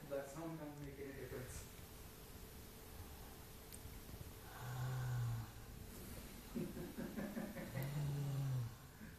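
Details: Sleeping tiger snoring: deep, low rumbling breaths with throaty vibration over room noise.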